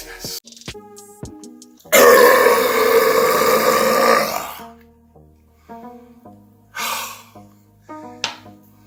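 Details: Burp compilation: a long, loud, rumbling burp lasting over two seconds, with shorter burps before and after, over background music.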